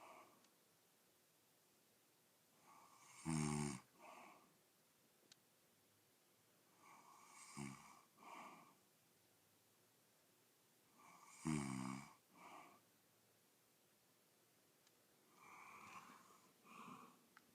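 Quiet, regular snoring: a rough snore on each breath in, then a softer breath out, about four cycles in 17 seconds.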